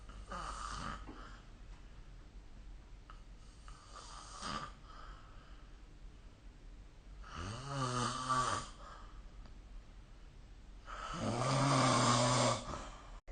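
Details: Snoring during sleep recorded with the SnoreLab phone app: loud, rough, rattling snores with each breath, roughly every four seconds, with quieter breathing between.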